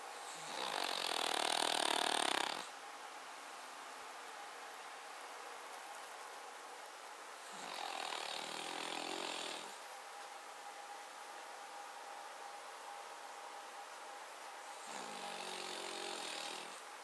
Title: Cavalier King Charles Spaniel - Rough snoring - [Paca]